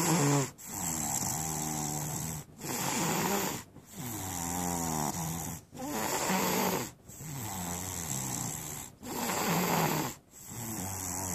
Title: Snoring 20130429